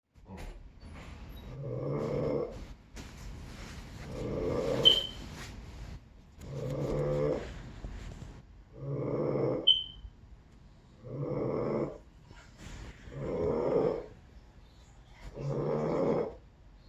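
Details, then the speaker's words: Steady rumbling snores, about seven in sixteen seconds, with quiet pauses between them, likened to furniture being moved or a truck changing gears; snoring. "It sound like furniture being moved. You know, he driving the truck, he changing that gears, you know."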